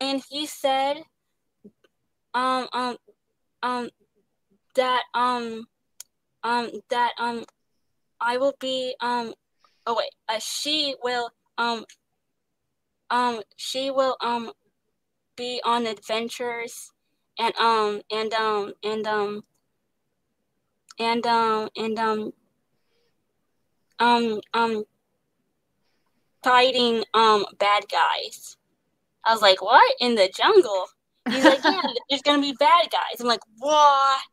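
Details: Young woman who stutters and receives speech therapy; she describes her stutter as pauses, word switching and restarting; genuine stuttering.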